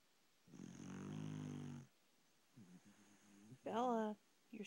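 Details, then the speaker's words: Pet dog asleep snoring: soft, low, vibrating breathing sounds, a long drawn snore then a shorter whiny one; dog snoring. "Bella, you're snoring."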